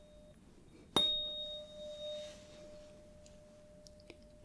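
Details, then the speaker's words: Simulated ASMR roleplay exam, Rinne test: tuning fork struck and placed on the mastoid process behind the ear, ringing with a pure, steady tone that fades over a few seconds. "okay this time I'm going to strike the tuning fork and put it behind the ear right on the mastoid process and then I want you to tell me when you hear it and when it stops"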